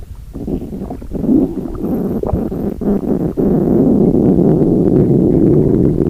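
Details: Loud, sustained low rumbling and gurgling that builds and holds; ordinary stomach growling (borborygmi).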